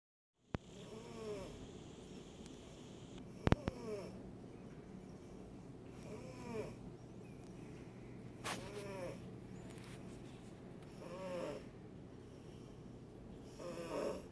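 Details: Silver Bengal cat snoring while asleep in the sunshine: steady rhythm of soft rasping snores, about 24 a minute.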